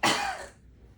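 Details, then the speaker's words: Seated patient, clinician's hands at the bottom of the ribs applying down-and-in force, breathes in, holds 1–2 seconds, then gives a single sharp cough burst; assisted cough, lateral costal technique. "I'm going to have you breathe in, hold for 1 to 2 seconds, and then when I say cough, you're going to breathe out to the side, okay?"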